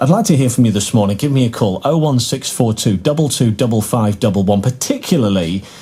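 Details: Adult male radio presenter; normal fluent speech.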